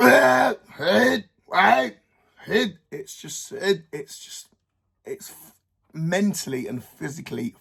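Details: Adult male with Tourette syndrome causing involuntary vocal tics (sounds, sometimes swearing) and motor tics, plus OCD, ADHD traits, autistic traits and depression; tics worsen when he thinks about them; vocal tics (Tourette syndrome).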